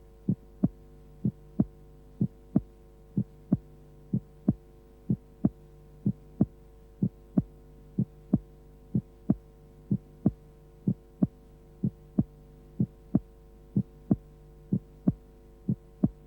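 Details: Simulated auscultation from a 1976 training film on transposition of the great arteries, at normal speed: regular heartbeat about 62 a minute over a steady hum, with a single second sound as only the aortic component is heard.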